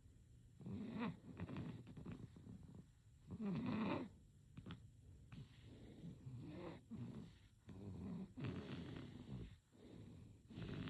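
Soft, irregular snoring sounds from a sleeping infant with breathy, rattly pulses on each breath.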